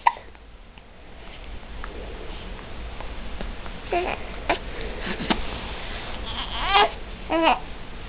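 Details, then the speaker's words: About five short, sharp hiccups over eight seconds from a baby boy, with soft babbling and room noise; infant hiccups. "what you had the hiccups you have the hiccups your pants are a little big got the hiccups"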